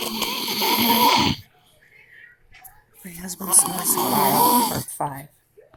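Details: Husband snoring in sleep: very loud, harsh, rattling snores on the in-breath with short quiet pauses between. Heavy snoring.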